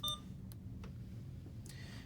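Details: Alaris IV pump: after programming a 250 mL primary continuous maintenance infusion and pressing start, a single short electronic beep, then quiet room hum; routine start tone as it checks the line.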